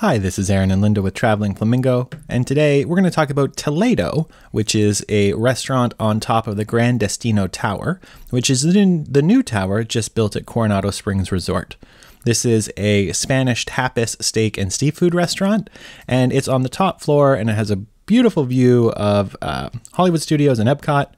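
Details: Adult male speaker; normal voice.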